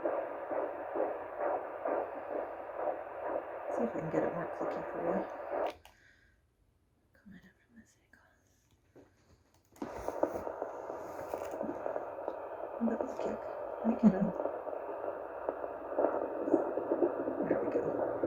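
Rapid whooshing pulses of a fetal heartbeat on Doppler, around 125–150 a minute, broken by a silent gap while the probe is moved.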